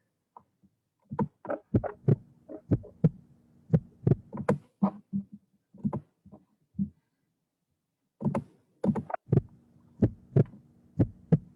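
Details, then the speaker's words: Heartbeat recording played as a sound-identification question in a music class: dull, low, paired thumps in a regular rhythm with a pause in the middle, a normal heartbeat. "Yes, indeed, it is heartbeat. We are born with a beat. Our heart beats all the time, and that's the beat we live with."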